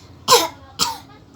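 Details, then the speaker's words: A child deliberately imitates a cough to demonstrate coughing: two short, sharp cough bursts. Cough. "Aku pengen ngasih tahu kalau batuk itu yang kayak"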